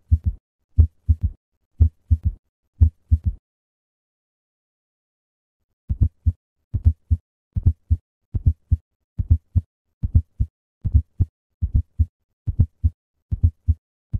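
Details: Low heart thumps in triple groupings, an extra soft beat just before the first sound; S4 gallop.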